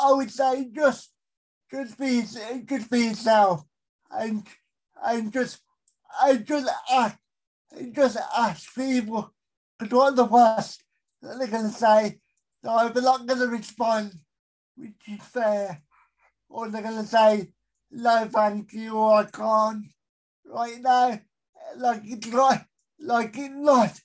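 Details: Adult male with a severe type of cerebral palsy; dysarthria due to cerebral palsy.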